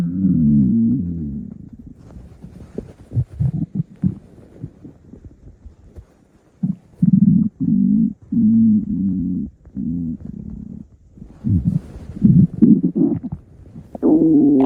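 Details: Low, rolling gurgles and long rumbling growls coming and going over about fifteen seconds; ordinary stomach growling (borborygmi) recorded from a woman's belly.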